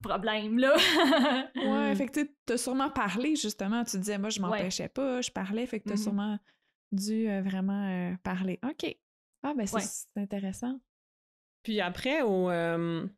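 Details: Adult woman speaking French; normal speech.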